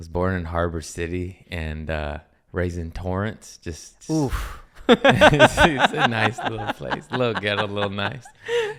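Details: Adult man speaking; normal speech.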